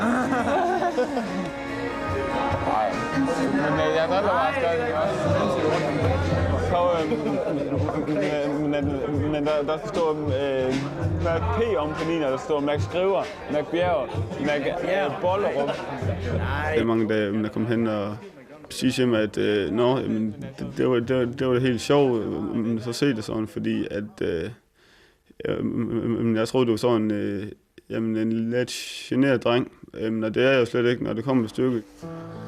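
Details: Young Danish man who stutters, a new participant in the McGuire stuttering treatment course, introducing himself at his first interview before treatment; stuttering.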